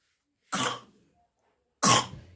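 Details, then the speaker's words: A young child deliberately demonstrates their cough when asked, giving two short, harsh coughs about a second apart; the child has a cough and cold; cough. "आ रही खांसी अच्छा तो तुम्हारे सुई लगा दे फिर क्या करें दवा खाओगे सिकाई कर दे"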